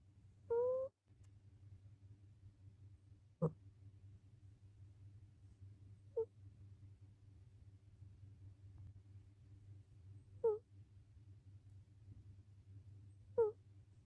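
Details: Rescue cat sleeping: brief soft snorts and squeaky higher-pitched snores about every three seconds over low room hum, rhythmic cat snoring from bass to treble.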